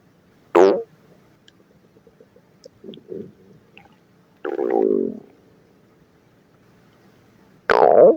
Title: Stomach Growling at Work